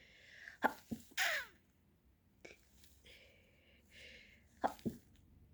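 Sharp, explosive sneezes come in quick succession, a short burst and then a second pair after a pause; a sneezing bout.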